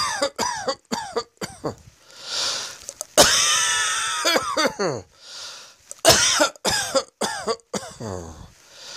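Repeated harsh coughs in clusters, with a drawn-out raspy breath and throat clearing between bouts; persistent coughing.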